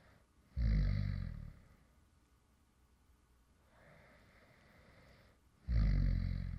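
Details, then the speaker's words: Man who fell asleep while recording: two low, rough snoring breaths about five seconds apart with a quieter breath between; light snoring in sleep. "deo, and this is actually some light snoring sounds from me when I actually fell asleep in the middle of recording a previous video."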